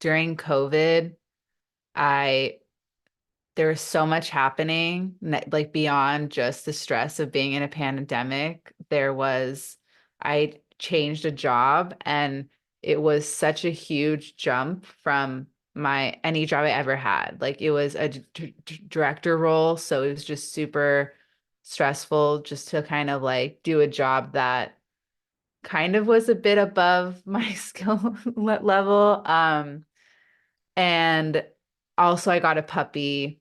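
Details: Adult woman with a long-standing stutter that she says is not the typical consonant-repetition form and is often misunderstood; she reports that stress amplifies it; real speech in a podcast interview; stuttering.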